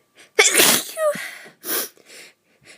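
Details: High-pitched sneeze with a quick intake beforehand, then small breaths and sniffs, in a run-down person who also has bits of coughing; ordinary sneezing.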